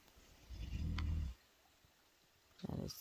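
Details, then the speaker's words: An adult man snores outdoors on an Appalachian Trail hike, with a babbling creek nearby: low, rattling rumbles under a second long with quiet pauses between, over faint outdoor background. "is the sound of my husband's snoring and the sound of a brook perhaps you can hear it babbling it's really just a creek"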